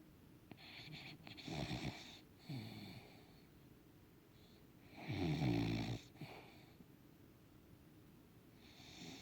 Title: Snoring puggle